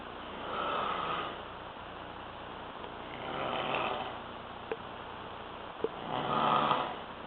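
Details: Three slow, rumbling snores about three seconds apart with quiet pauses and two faint clicks, from a person asleep around 7 a.m. during a trip to Faro, Portugal; regular snoring.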